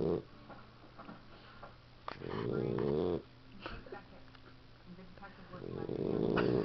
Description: 13 week old boxer puppy snoring after another rough day of being a puppy.